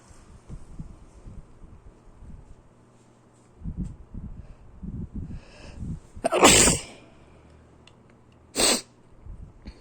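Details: Soft sniffing breaths building to one sharp sneeze, then a second shorter one: sneezing.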